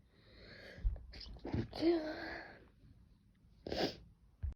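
A sharp in-breath is followed by a burst of voiced sneezing, then a second short sneeze-like burst.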